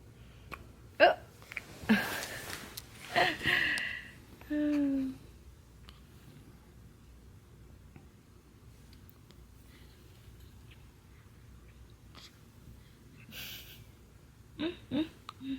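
Several abrupt, sharp vocal catches at irregular intervals with quiet room noise between them, typical of hiccups.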